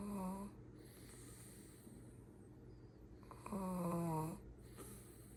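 Two loud, buzzing, tonal snores on breathing in, separated by quiet breathing: snoring.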